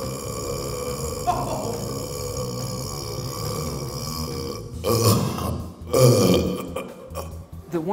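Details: Record attempt at a world burping championship, after gulping air and drinking soda to push stomach air upward: deep, rumbling, drawn-out belches over steady background noise; prolonged burping from swallowed air.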